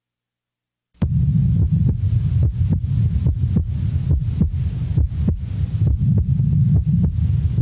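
Regular low heart sounds over a steady low hum, with the second sound at times heard as two close components. This is physiological splitting of the second heart sound, a normal finding: on breathing in, the pulmonary valve closes slightly later than the aortic valve.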